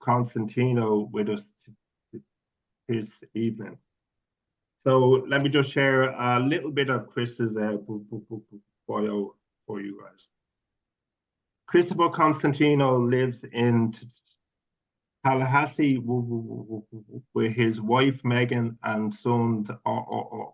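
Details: Adult male speaker; stuttering.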